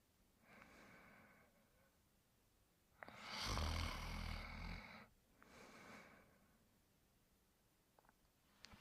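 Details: Sleeping dog Duke: soft rhythmic snoring with one louder, rougher snore in the middle, quiet room; ordinary snoring.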